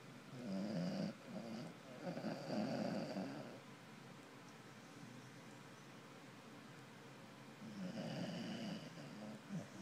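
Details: Corgi mix rescue dog sleeping: soft, rattly snoring breaths with a long quiet pause between, ordinary dog snoring.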